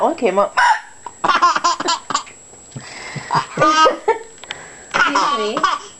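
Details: A mother's sharp, abrupt voiced hiccups, interleaved with bursts of her infant son's giggling laughter in a small room.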